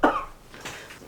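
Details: A single loud forced cough, then faint room noise; a deliberately faked cough acted as a prank on friends.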